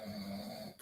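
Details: Snoring heard during a football podcast discussion.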